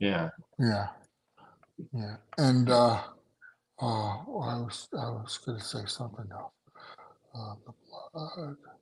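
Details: Adult male survivor of two strokes in November 2017, including a hemorrhagic stroke; right-sided weakness, unusable numb right hand, short-term memory problems, 10 seizures since stroke; finding: aphasia.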